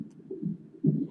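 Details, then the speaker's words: Twin fetal heartbeats on hospital Doppler monitor at 30 weeks of pregnancy, soft rhythmic whooshing pulses, recorded while the mother has a contraction; baby A's heart rate had recently dropped, with ongoing preterm contractions treated with Procardia. "I'm having another contraction right now. Can you all hear their little heartbeats though?"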